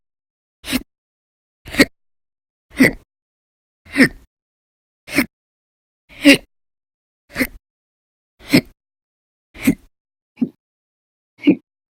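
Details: Eleven short, sharp gulping sounds about a second apart in near silence, fairly steady; persistent violent, very loud hiccup episodes lasting hours, recorded November 2019; hiccups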